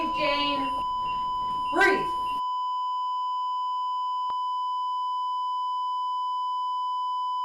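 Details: Simulated, artificially remixed resuscitation of a woman in pulseless fibrillation: brief voice-like sounds, then a steady unbroken cardiac monitor alarm tone.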